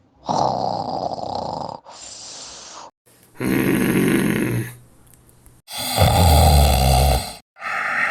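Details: Adult man (husband) snoring heavily: loud, irregular rasping snores, several breaths with pauses between; snoring.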